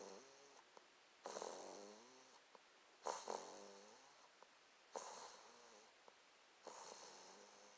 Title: Cookie snoring